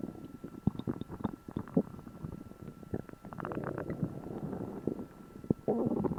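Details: Loud gurgling and rumbling with bubbly pops from the belly, recorded after eating a meal for the first time in a while: borborygmi, normal active bowel sounds.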